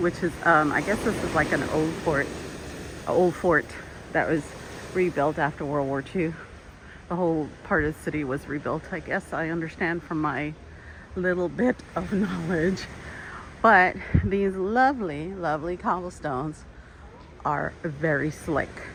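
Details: Adult man with intermittent vocal fold paralysis, which he calls part of his disability, treated with speech therapy and getting a little better; shaky voice; vocal fold paralysis.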